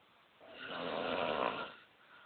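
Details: Snoring at camp: a single rough, rattling breath lasting about a second, rising and fading; snoring.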